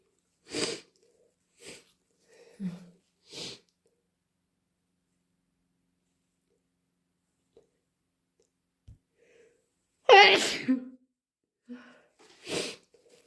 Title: Wet induced sneezes plus sniffles and blows